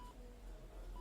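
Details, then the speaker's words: Simulated bedside medical monitor in an ASMR doctor roleplay, not a real recording: two short, soft electronic beeps over low room hum, heard while the patient receives an injection. "now i'm gonna move your hands to the side of your head just right behind your ears what do you hear that's right the monitor"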